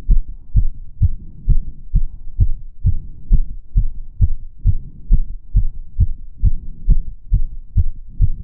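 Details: Fast heart sounds recorded on own chest while exercising with step-ups (stair-stepping exercise); exertional tachycardia.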